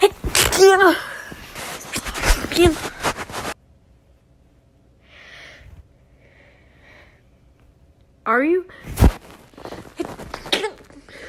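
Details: Woman's prolonged sneezing fit of about 30 seconds: loud voiced bursts with breathy sneeze sounds, a quiet pause, then another loud sneeze burst.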